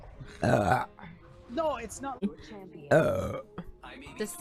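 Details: Two loud, voiced burps separated by brief speech, with faint background music, from someone after eating very spicy food that is said to be burning the lips and throat; burping.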